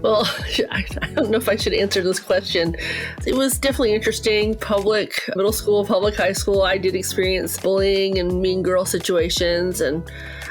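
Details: Adult woman speaking; typical speech.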